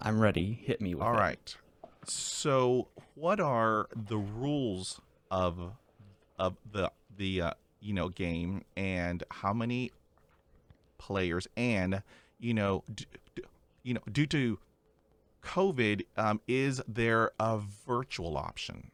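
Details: Real conversational speech from a male podcast host who stutters, asking questions; word repetitions are audible; stuttering.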